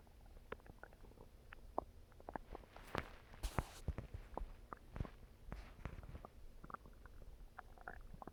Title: Stomach Growling